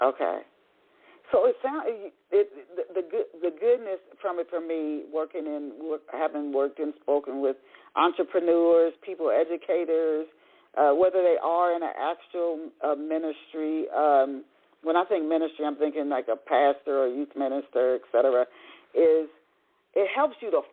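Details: Adult speaker; normal speech.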